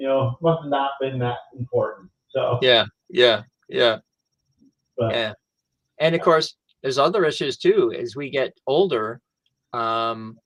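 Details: Adult male stroke survivor who lost language after the stroke, now with mainly expressive (Broca's) aphasia plus some receptive difficulty, in real conversation; expressive aphasia.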